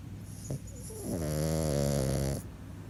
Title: French Bulldog Snoring (redux)